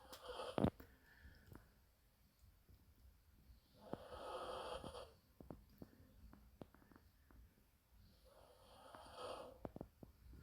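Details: Tired small female dog sleeping in a quiet room: two soft, drawn-out snoring breaths about four seconds apart, with faint clicks between; ordinary snoring.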